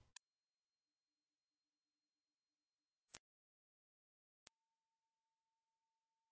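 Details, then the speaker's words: High-pitched hearing test tones above 8,000 Hz: two very high, thin steady tones, each a few seconds, with a pause between; hearing all frequencies suggests age under 20, as high pitches fade first with age. "okay if you can hear 8,000 Hertz you're both alive and not hearing impaired but let's keep raising the frequency"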